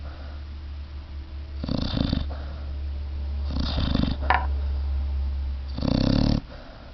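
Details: Puppy snoring very loudly while asleep: three loud, rough, rattling breath sounds repeating over a steady low hum.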